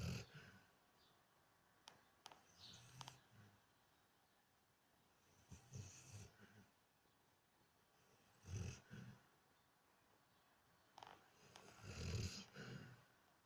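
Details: Repeated low, rumbling snoring breaths with a few soft snorts, about one every three seconds, from a sleeping Weimaraner dog; ordinary snoring.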